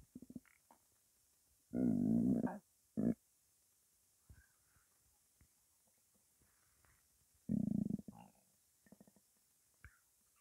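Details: Stomach rumbling from a hungry, empty belly: two long, low gurgling growls with faint bubbling between them.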